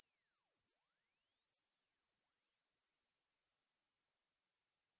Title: How old are your ears? Unscientific Hearing Test? Maybe...